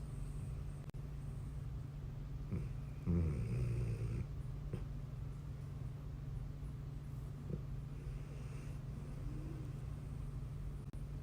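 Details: Dog named Pharaoh snoring while asleep: a low, rumbling snore over steady background hum.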